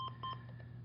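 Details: Short electronic beeps and low hum from an automated non-invasive blood pressure monitor as the cuff inflates and measures on a patient's arm, the same arm as a pulse oximeter, in an EMS training demonstration.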